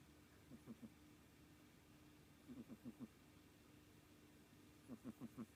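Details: Soft, low, buzzy snuffling in three short clusters of quick pulses over a faint hum from a 3.5-month-old kitten weighing 2.75 kg, appearing only in deep sleep; owner wonders if weight causes it; snoring.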